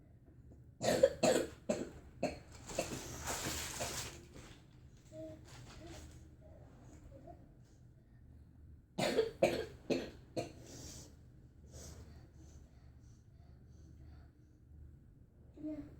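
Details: Child with whooping cough (pertussis) trying to sleep: two rapid runs of short, forceful coughs with a breathy, noisy intake between them.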